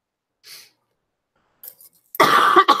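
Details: Adult recovering from illness, first day feeling better, still coughing, with a running nose blamed for the cough; dry cough.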